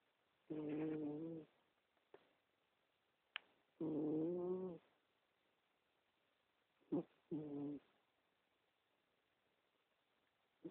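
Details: 15-year-old cat asleep, snoring loudly enough to wake its owner, recorded on a BlackBerry phone video camera: snoring.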